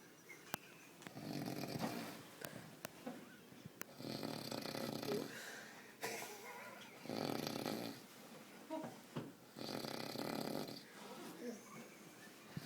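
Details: Snoring during sleep: repeated hoarse, noisy breaths every few seconds, with scattered clicks and room noise.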